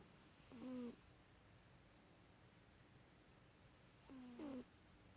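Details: Light snoring recorded October 2016: two soft whistling snores on the breaths, separated by quiet pauses.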